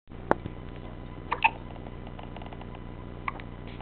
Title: Hiccups.